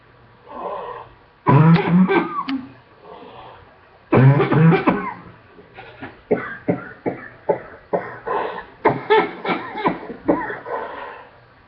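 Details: Adult sick for two weeks, on a second round of antibiotics, with the cough getting better: two strong, deep coughs, then a run of about ten shorter rapid coughs; cough.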